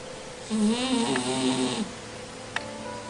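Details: Sleeping cat snoring in deep sleep: one short, whistling, nasal snore on the breath, then settling to quiet breathing.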